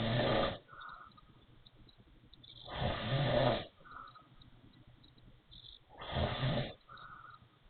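Loud rattling snores about every three seconds, each followed by a faint whistling breath out; snoring with a wheezy quality.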